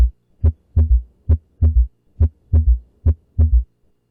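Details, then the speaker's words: Teaching recording of heart sounds: regular rhythm near 70 a minute with an extra soft, low thud just after S2, a third heart sound that, when audible by stethoscope, usually indicates pathology; S3 gallop. "таки будет вызывать 3 тонн называется третий тон как винт регулярный галоп в данном случае обязательно 3 тонн воспринимаете как именно аускультативно и 3 4 тонн есть у всех но аускультативно при помощи стетоскопа вы можете услышать не у всех и как правило это говорит о патологии"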